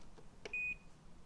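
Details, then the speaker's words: A click and a single short, high-pitched beep from an Inogen portable oxygen concentrator's front control panel as the flow setting is changed with the plus or minus button. "the setting very simple by hitting the plus sign or the minus"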